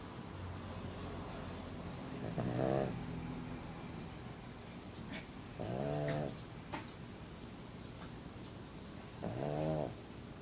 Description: Just a little video of my best pal, and pug, Otis having a little snooze.